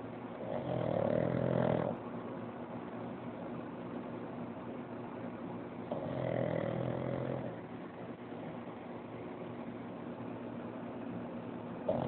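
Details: Pug napping and snoring like a buzzsaw: two loud rasping snores over twelve seconds with quiet steady breathing between them.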